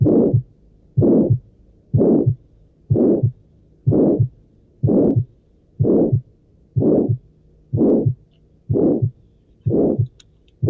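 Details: Aortic stenosis murmur, a heart sound recording from an edited teaching video in which the heartbeats may be a repeated sequence.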